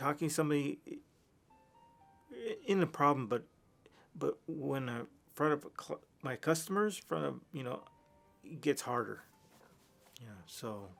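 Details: Adult man with aphasia from a massive stroke 3 years earlier, before brain training; much language regained but fluency still impaired; aphasia.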